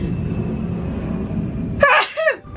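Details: Woman sneezing on camera: low background rumble, then a single sudden voiced sneeze with a short trailing sound.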